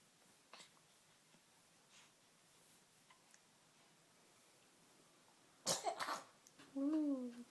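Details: Child said to have hiccups: a quiet room, then a sharp burst like a cough or sneeze, followed by a brief voiced sound.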